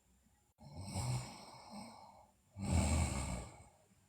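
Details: Two long, rough, airy snoring breaths, each lasting over a second, in a quiet room from a sleeping girl; snoring.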